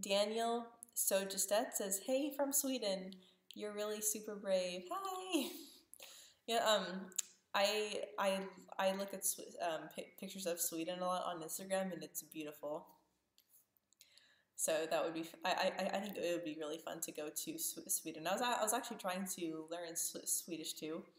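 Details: Person who stutters, who has tried a speech therapy technique without cure, speaking live about stuttering, with word repetitions; stuttering.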